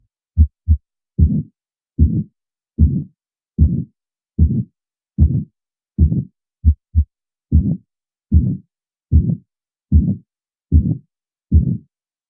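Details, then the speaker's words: Aortic stenosis murmur at about 75 beats a minute: a harsh crescendo-decrescendo systolic murmur as the ventricle pushes against the stenotic valve, with turbulence so loud that S1 and S2 are barely heard. "so the ventricle is pushing against the stenotic valve and you get this classic crescendo decrescendo appearance and this time pay careful attention to the overwhelming sound of the stenotic valve you won't really hear s1 and s2"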